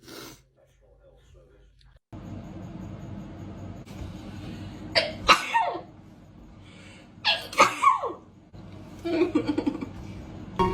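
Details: About three sharp, explosive sneezes in quick succession, set off by a nasal swab during a Covid-19 test; ordinary induced sneezing.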